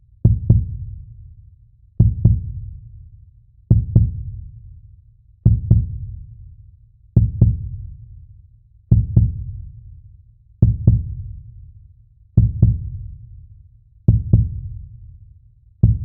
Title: Calm Heartbeat Sounds for Sleep#relaxing #sleep